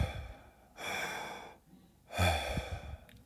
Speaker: the bronchial is going to be an inhalation pause exhalation that are equal in length inhalation pause exha